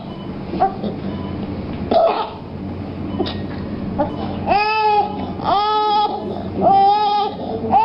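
A few brief cough-like bursts, then four strained, crying vocal sounds in a young child with breathing difficulty from a suspected inhaled foreign body.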